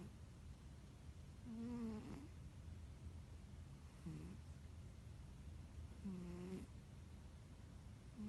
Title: My cat snores. Моя кошка храпит